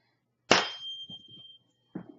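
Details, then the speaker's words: HEENT exam by a nurse practitioner student, Weber hearing test: sharp strike followed by a clear, sustained high ringing tuning fork tone with faint handling sounds; tuning fork strike. "and this one is going to be the Weber conduction test"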